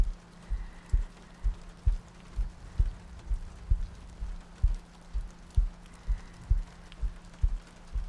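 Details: ASMR sleep-aid loop of a heartbeat with soft breathing and rain ambience: steady paired low thumps at about 65 a minute with rain in the background.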